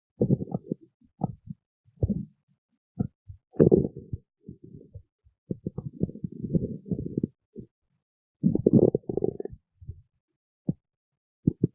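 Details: Stomach growling: irregular low gurgles and rumbles in bursts, normal bowel sounds (borborygmi).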